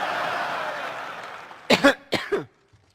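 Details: A woman's coughing fit during a conference speech: fading applause, then two quick pairs of hoarse, voiced adult coughs in a repeated coughing fit.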